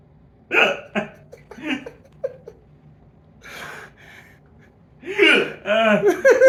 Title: Hiccups are funny to me!